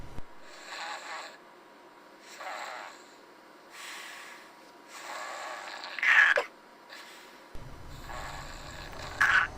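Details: Soft, irregular snoring breaths, about 19 a minute, with a couple of louder snorts and faint room noise, recorded for a pillow designed for sleep monitoring and snoring reduction.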